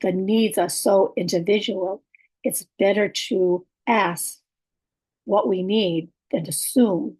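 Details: Adult woman with aphasia, apraxia of speech and dysarthria, communication challenges for about six years, speech sometimes hard to understand; aphasia with apraxia of speech and dysarthria.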